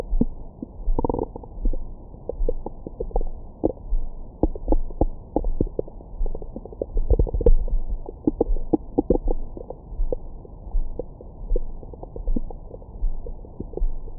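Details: Steady bubbling gurgles and popping clicks with occasional squeaks from the abdomen, recorded with a Stemoscope stethoscope microphone after a large meal for ASMR: active normal bowel sounds, stomach growling.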